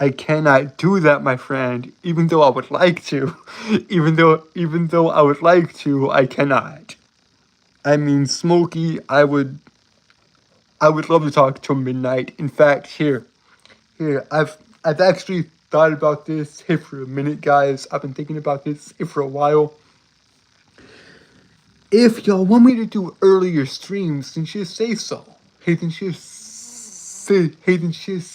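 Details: Adult male with self-reported speech impediment, embarrassed at how long a word took to say; speech disfluency.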